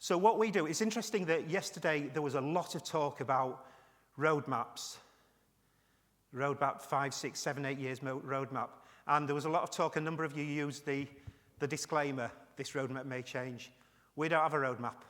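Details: Adult man with Parkinson's disease and tremor; he attributes his voice partly to nerves and partly to Parkinson's; hypokinetic dysarthria (Parkinsonian speech).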